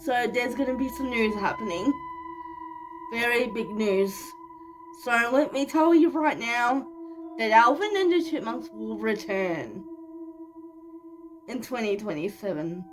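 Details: 25-year-old woman living with cerebral palsy, speaking naturally in a vlog: speech in cerebral palsy (dysarthria).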